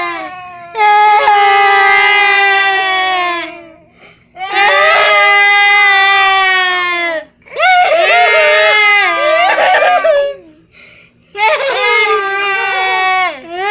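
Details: Loud, sustained infant crying in long wailing bursts separated by brief pauses for breath.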